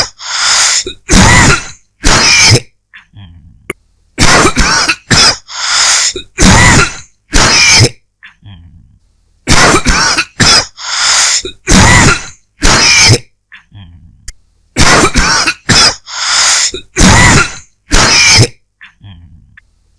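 Repeated short, harsh dry coughs in three bouts, with quiet breaths and throat noises between them.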